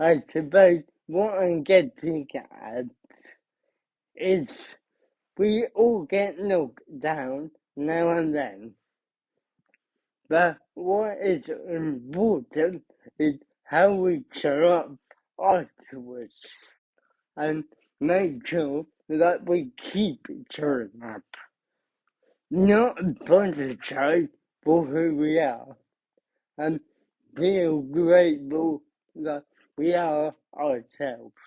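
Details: Adult man, about 30, with cerebral palsy who describes his own speech impediment, unclear on the phone, as part of his condition; dysarthria (cerebral palsy).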